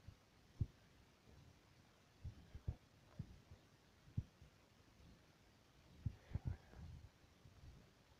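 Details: Heartbeat heard through a stethoscope: soft, low thumping beats, partly buried in steady background hiss and rumble.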